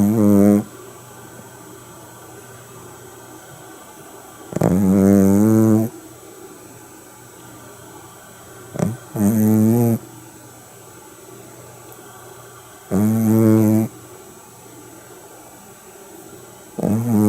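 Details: Shih Tzu dog snoring while asleep: loud, buzzy, droning snores repeating about every four seconds, with quiet room hum between them.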